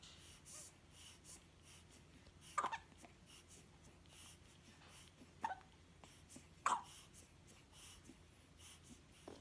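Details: Newborn twin boys, 2½ weeks old, hiccuping: brief sharp little catches, about four in nine seconds at uneven spacing, over soft breathing and room hiss; ordinary infant hiccups.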